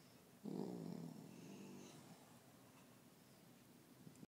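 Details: Snoring in a small room: one drawn-out, fluttering snore on a breath, fading into quiet breathing; snoring.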